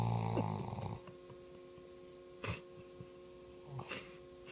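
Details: Fast asleep, two soft snorting breaths over a steady humming background after a brief louder noise: snoring.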